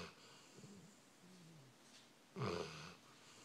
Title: Goliath snoring